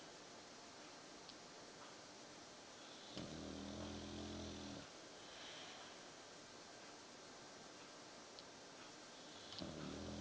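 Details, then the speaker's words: Sleeping Victorian Bulldog snoring: slow, rumbling snores roughly every six seconds over steady room hiss. "You snoring, mate? You snoring? That's it, you go back to sleep, mate."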